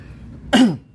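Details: A single short, voiced cough from an adult man who says he currently has a cough and a hoarse voice, heard after a quiet stretch of faint room noise.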